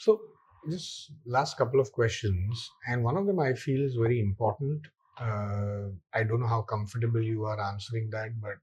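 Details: Adult male speaker; normal speech.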